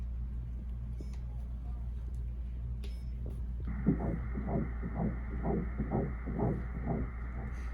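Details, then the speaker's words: Rapid rhythmic whooshing pulses at about 120 a minute over steady machine hum: fetal heartbeat on ultrasound, after two prior miscarriages, mother on progesterone suppositories. "I started crying instantly. It's the pregnancy there. It's the heartbeat."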